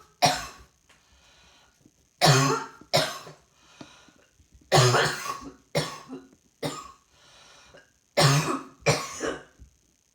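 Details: Person coughing while trying to work, feeling rather hot: seven or eight loud, harsh cough bursts in separate bouts over ten seconds, with a faint steady room hum.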